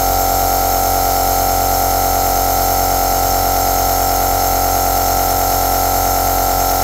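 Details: Aerosol nebulizer machine running continuously: a steady, unbroken mechanical hum with a fine hissy buzz, unchanging throughout.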